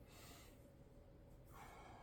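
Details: Normal vesicular breath sounds heard by stethoscope over the back of a sitting adult male patient's chest during a chest examination.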